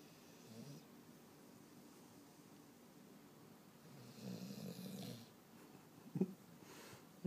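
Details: Sleeping dog snoring: soft, low snuffling snores in a quiet room, with a brief snort near the end; ordinary snoring.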